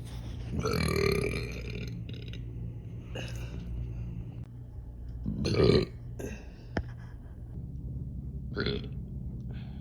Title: Hi again! #burp comp part 12!!! #girlburpcompilation #burping